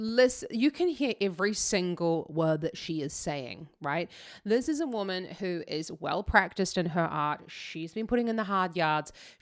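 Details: Adult woman speaking; typical voice.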